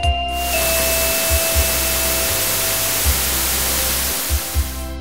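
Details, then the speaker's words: Simulated tinnitus: a steady rushing hiss filling the clip, imitating the constant all-day ear hissing a person with tinnitus hears: tinnitus simulation (hissing). "iemand met tinitus hoort bijvoorbeeld de hele dag een suis geluid"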